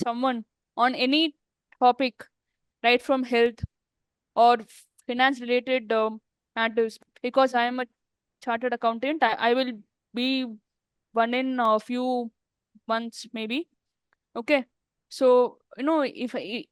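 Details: Woman who stammers, speaking in an interview with word and part-word repetitions; stuttering.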